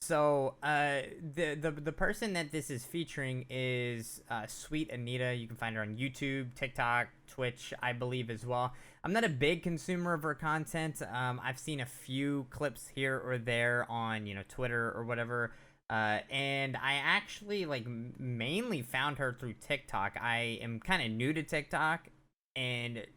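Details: Adult male speaker; ordinary speech.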